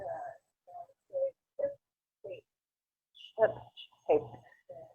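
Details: Abductor spasmodic dysphonia with breathy voice breaks, breathy rather than tight.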